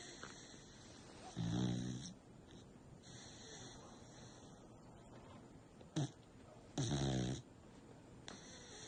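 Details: American Bully dog snoring loudly while sleeping: low rattling snores a few seconds apart, with quieter snorting between them.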